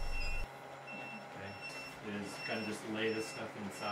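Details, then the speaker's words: Negative pressure wound therapy device on a 24-hour verification test in a simulated wound environment, sounding a leak alarm: repeated high-pitched electronic beeps over faint talk and room noise. "this device is a negative pressure wound therapy device this test takes a total of 24 hours we really just turn it on and let it run for example the beeps that you're hearing right now are indicating a"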